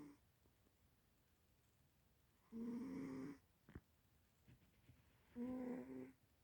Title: silly one the cat snoring